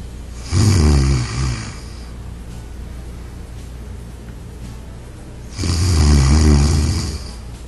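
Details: Two loud, low, rattling snores about five seconds apart with quiet breathing between, over faint background music; snoring.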